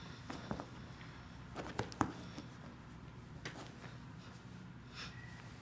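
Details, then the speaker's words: A few short sharp pops in a quiet room during a chiropractic adjustment of a female patient's ribs where they connect to the sternum; joint cavitation. "I'll now demonstrate adjusting of the ribs and there connects us to the sternum"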